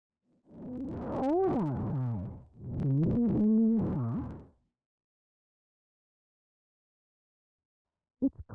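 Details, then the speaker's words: Simulated severe auditory neuropathy spectrum disorder hearing distortion, for demonstration: the sentence "It's cold outside, can you please bring me your socks" becomes an unintelligible, warbling, synthetic-sounding tone. "you will hear a sentence repeated four times the first sentence as an example of how severely distorted speech may sound"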